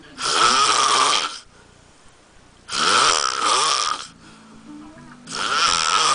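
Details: Heavy snoring from a big adult man asleep on a couch: loud, harsh rattling snores on each breath in, about three in six seconds, with quieter breathing between.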